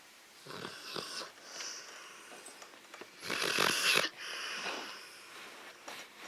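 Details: Woman snoring during sleep: soft, airy, snuffling breaths with one louder harsh rasp in the middle; light snoring.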